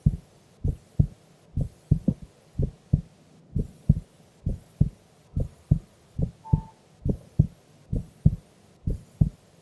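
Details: Heartbeat of a woman sleeping during an afternoon nap; normal heart sounds.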